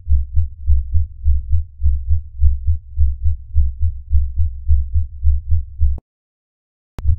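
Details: Normal heart sounds, regular low lub-dub at about 100 per minute, from a simultaneous touch-free radar and stethoscope heart sound measurement.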